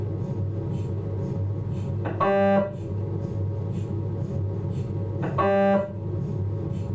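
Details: Philips 1.5 T MRI abdominal scan: steady low drone and faint ticking with a loud buzzing tone burst about every three seconds, normal MRI scanner noise.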